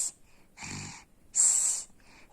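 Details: Loud snoring from a boy, who is sleeping, filmed by his mother; snoring.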